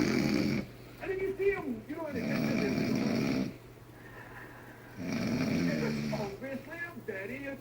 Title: Loud Snore 5